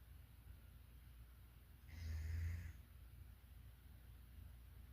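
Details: Sleeping German Shepherd dog: one soft, low snore rising and fading over about a second against a steady background hum; snoring in deep sleep.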